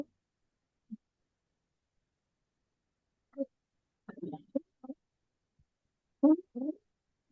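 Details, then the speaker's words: An 11-month-old with croup and a barking cough makes short, high-pitched, crowing noises on breathing in, from a narrowed upper airway; inspiratory stridor. "That's an 11th month old with creepy cough. This is Strider."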